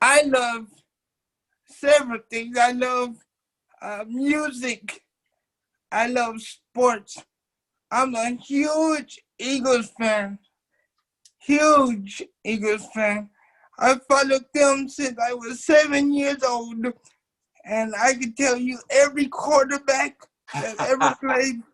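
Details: 27-year-old man with cerebral palsy since birth, wheelchair user, whose muscles do not work like others'; doctors told his family he would never talk; dysarthric speech in cerebral palsy.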